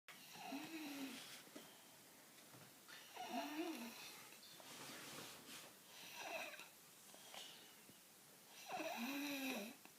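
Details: 4-year-old child snoring in sleep, said to be abnormally loud for age: four rhythmic, rasping breaths in a quiet room, about 21 breaths per minute.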